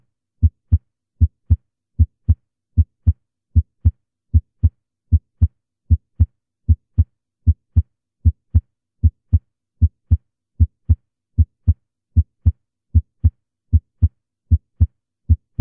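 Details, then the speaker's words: Heart auscultation, one-minute sequence: steady paired lub-dub sounds at about 77 beats a minute; normal first and second heart sounds. "En primera instancia lo que vamos a escuchar es la secuencia de 1 minuto de un primer ruido y un segundo ruido cardíacos de características normales."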